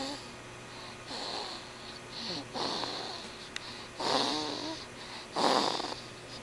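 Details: Sophie snoring, something she inherited from her mum: rough, rattling snores with each breath, some with a whistling edge; ordinary snoring.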